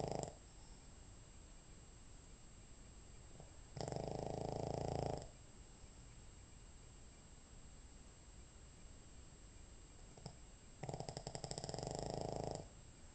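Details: 14 lb Boston, asleep and snoring: two loud, buzzy snores about seven seconds apart, with quiet breathing between.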